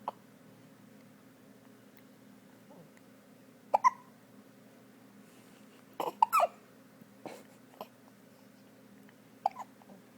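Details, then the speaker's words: Newborn baby with hiccups: short, sharp catching sounds at irregular intervals, about four bursts in ten seconds; ordinary infant hiccups. "Oh no, hiccups."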